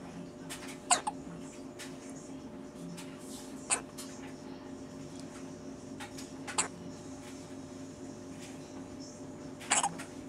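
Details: Infant with hiccups while trying to eat: four short, sharp hiccups about every three seconds over quiet room noise.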